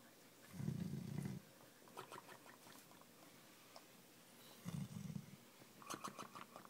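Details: Dog snoring after playing at the cottage: two short, low rumbling snores several seconds apart amid quiet room noise during sleep.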